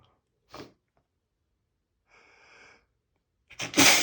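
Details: Male sneezing while reading a book aloud: brief sniffs and an indrawn breath build to a single loud, explosive sneeze.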